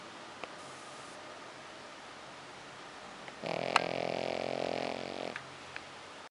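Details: A Pekingese dog snoring: one loud, buzzing, rattling snore of about two seconds in a quiet room.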